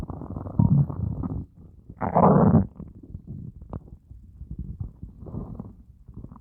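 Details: Stomach growling after a fast of more than 30 hours: loud, low groaning and gurgling rumbles with bubbling bursts; ordinary hunger borborygmi.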